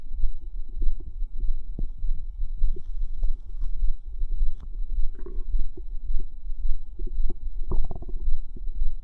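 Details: Ordinary bowel sounds (borborygmi): low gurgling, bubbling, fizzing and squelching stomach sounds with occasional pops, continuous throughout.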